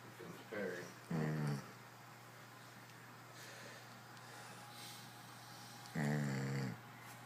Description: Long Duck Dog (AKA Dude) has sleep apnea. You can't watch this without laughing.